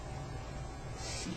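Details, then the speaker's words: Bronchophony on chest auscultation while the patient is asked to say "99." Over a muffled stethoscope background, the voice comes through suddenly loud and clear. "voice sounds that are louder and clearer than normal as in this example are called bronchophony"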